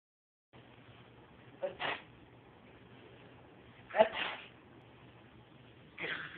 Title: Sneezes like Daddy